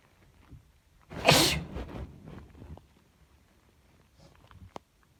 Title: sneezes cold fit